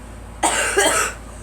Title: Girl coughing